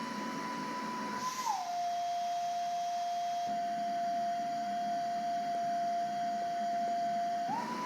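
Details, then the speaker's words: Steady machine tone over motor hum, dropping in pitch, holding, then rising: a Pegaso E7C cough assist device running its cough assist mode cycle, not connected to a patient. "I can then go to the cesis mode again start that cesis mode and we can see the line graphic ly moving through what the cycle"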